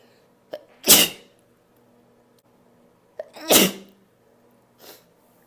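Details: Two loud, forceful unstifled sneezes, each preceded by a brief sharp inhale, then a softer third burst, from a compilation of three sneezing recordings.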